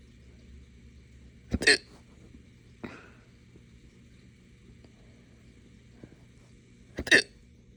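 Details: Two sharp hiccup bursts, each with a short burp-like release, and a softer catch between them in a quiet room. Hiccups with belching from drinking morning coffee too fast on an empty stomach.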